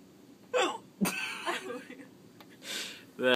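An adult gives a sudden, sharp catch of breath, a hiccup, among short voiced sounds and breaths.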